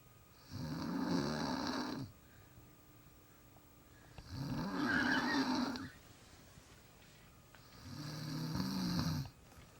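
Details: Adult woman napping on a couch, snoring loud and building up, louder the longer she sleeps.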